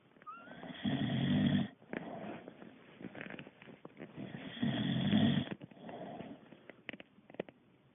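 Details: Boxer dog snoring while asleep, tired after exercise.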